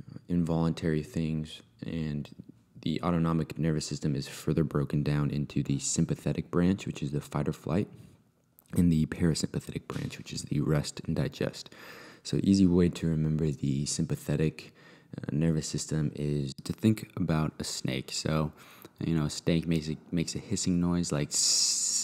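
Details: Adult male speaker; ordinary speech.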